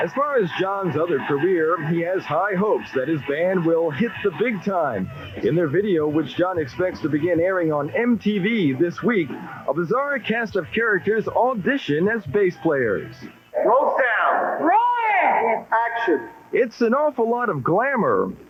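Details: Adult male narrator; normal fluent speech.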